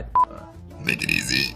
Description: Cool Girl Burping